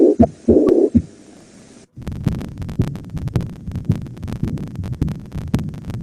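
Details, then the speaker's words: Mitral regurgitation heart sound in a nursing physical-exam teaching demonstration: a fast heartbeat of about 128 a minute with a low rushing murmur filling the gaps, blood leaking back through the mitral valve. "video yang namanya regurgitasi atau kalau anda di basah-basah kepedihannya sering bilang itu muntah gitu ya jadi disini jantung itu mengalami kesulitan untuk memompakan darah melalui katup nya"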